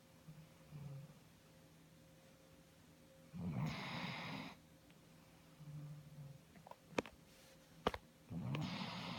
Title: Iggy Snoring, 3/19/2017